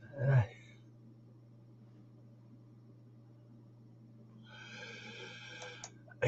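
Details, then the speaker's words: Adult with congestion of unclear cause, described as choked up around the nasal passages, awaiting a camera procedure to examine the lungs: a single short, harsh cough, then room hum. Finding: cough. "the reason they're doing this is because I'm not sure um what's causing the this congestion that I've now seemed to have this coughing and this you'll hear it all choked up around the nasal passages"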